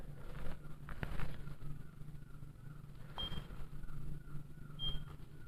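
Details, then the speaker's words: Two faint, short high beeps on a Checkme Pro monitor with electrodes attached directly, marking detected heartbeats; ECG shows a regular rhythm at a heart rate of 84. "तो यहाँ पे आप beep सुनाई दे रही है आपको। तो ECG की जो है वो रीडिंग होने लगी है।"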